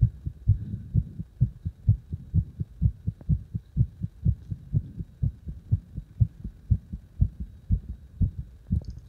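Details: Strong, pounding heartbeat with regular low thumps at roughly 125 beats a minute, a fast rate; forceful heartbeat.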